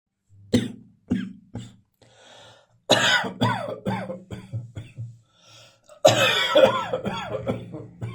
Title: Coughing from accidentally inhaling talcum powder.